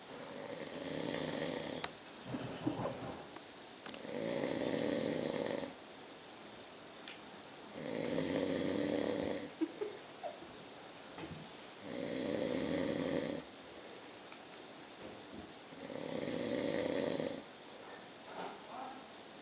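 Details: Older man (the uploader's father) snoring at about 11:30: loud, rough snores on each breath in, about 15 a minute, with quiet pauses between.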